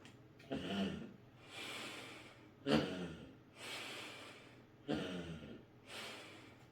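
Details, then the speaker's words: Metered-dose inhaler with spacer: after shaking and pressing the inhaler into the spacer, three deep breaths through it, each opening the non-return valve with a sharp click, alternating with softer exhalations. "Press केल्याबरोबर औषध इथे येतं नंतर या बाजूने आपण तीन वेळा श्वास घ्यायचा"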